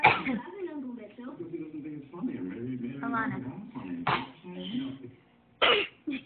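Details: Baby sneezing, copying her mother's sneeze.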